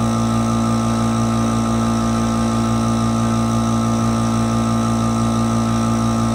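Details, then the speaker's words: Steady mechanical hum and drone of a running compressor while the patient, lips sealed on the mouthpiece, takes a treatment with a Monaghan AeroEclipse breath-actuated nebulizer; nebulizer compressor running. "now you're ready to take your treatment turning your nebulizer on and place your lips tightly around the mouthpiece of the nebulizer making sure not to block this exhalation valve"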